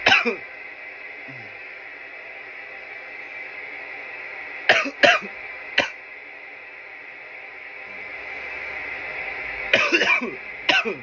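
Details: Coughing fits after smoking from a bong: bursts of harsh, dry coughing in clusters between quieter pauses with steady room hiss; irritant cough.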